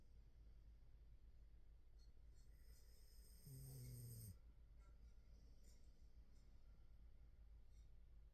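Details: A single low, rumbling snore of about one second over steady background hiss from a wave/white noise machine.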